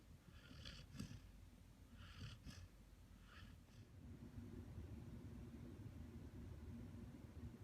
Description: This video is about Bernese Mountain Dog Snoring after a Hard Day Of Play and Beautiful Dreams.